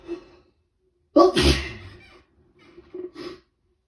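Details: Head cold, day 2, waking in the morning with prolonged rapid sneezing fits: sharp intake of breath, then one loud explosive sneeze and softer breathy sounds; sneezing.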